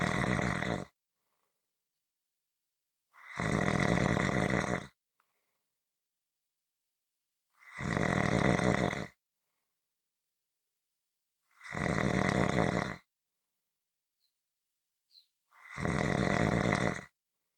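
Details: Loud, rough snores on each breath, about 14 a minute, with silent pauses between; heavy snoring.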